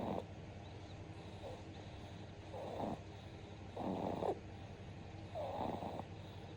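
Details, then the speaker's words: Two-month-old baby sleeping in mother's arms: soft, irregular snoring bursts about one every second or so. "いびきいて寝てる赤さん健やかに育ってね。"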